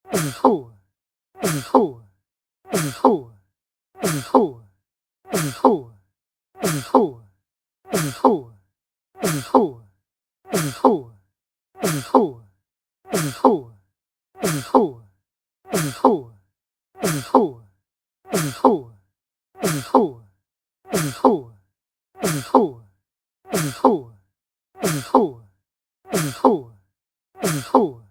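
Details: A single loud, voiced sneeze repeated over and over at a steady pace, about 46 times a minute.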